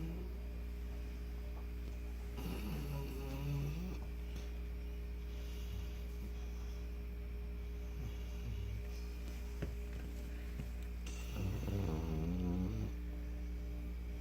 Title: My snoring Saint Bernard